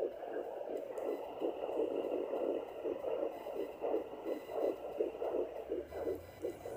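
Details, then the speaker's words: Home Doppler on the belly of a woman 10 weeks 1 day pregnant, lying on her bed, with the baby lying low: rapid, regular whooshing fetal heartbeat, first called 135 but actually 132 beats a minute. "there it is 1 35 that's my baby's heartbeat sweet sound to your ears when you get the your baby's heartbeat"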